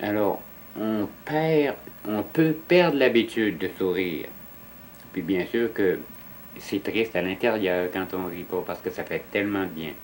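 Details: Stuttering in a French-speaking adult man who stutters.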